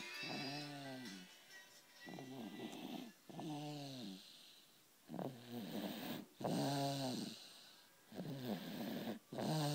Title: something about a him snoring is funny...